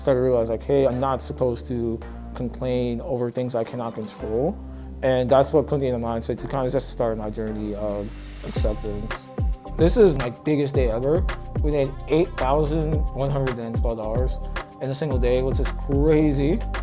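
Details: Young man with Moebius syndrome affecting the sixth and seventh cranial nerves, leaving him unable to make facial expressions; his parents understood only about 50% of his speech when he was younger. Speech affected by Moebius syndrome (facial palsy).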